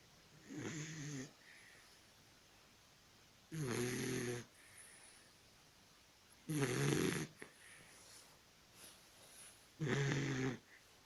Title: Mr snores (Dachshund) . Mr ronquidos , perro salchicha.